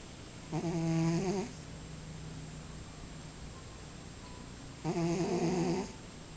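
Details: Cat snoring during sleep: two droning, buzzy breaths about four seconds apart over quiet room noise.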